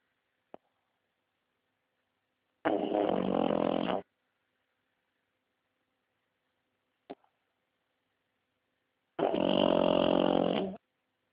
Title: Snoring Pug.mp4